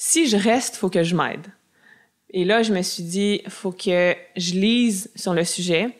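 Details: Adult woman who self-identifies as a person who stutters; stuttering.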